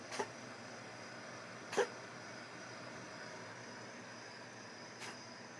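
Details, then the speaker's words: Cat straining to cough up a hairball: three brief, abrupt hacking retches over a steady background hum. "You got a hairball? Oh, did you swallow it? Nope. It's okay. Oh. That's because you eat all your fur."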